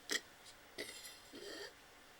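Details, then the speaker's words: Deliberately produced burps demonstrated in a burping tutorial (closing the throat and sucking in hard, then releasing): three short, throaty, rough, gulping bursts. "But you can go, you can like close your throat if you know how to do that, and like suck in really hard, but then go, just"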